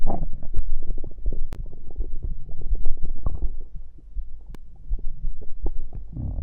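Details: Stomach growling after drinking cider: continuous low gurgling and bubbling rumbles from the belly with brief pops; bowel sounds (borborygmi).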